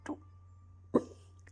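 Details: 3-month-old baby girl: two short, abrupt hiccups about a second apart over a steady background hum, with an old song playing; hiccups.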